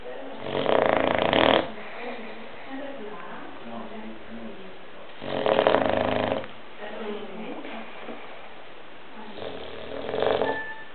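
Three loud, rough, rattling snores about four seconds apart, with quiet breathing between them: snoring in a sleeping dog.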